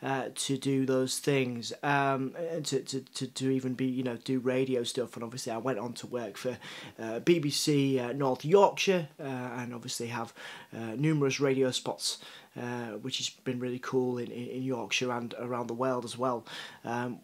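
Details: Adult man, a journalist, who reports having a stutter and cerebral palsy; university lecturers told him his speech was not clear enough for radio; stuttering with cerebral palsy speech.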